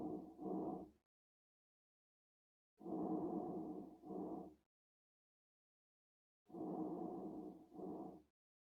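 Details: Asthma breath sounds: three breaths at about 16 a minute, each with a longer phase then a shorter one, carrying musical whistling tones; wheezing from narrowed airways.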